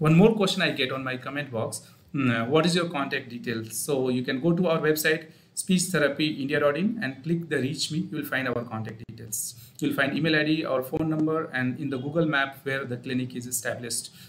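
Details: Adult male speaker; ordinary speech.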